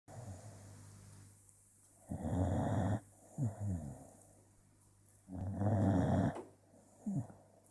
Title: More snores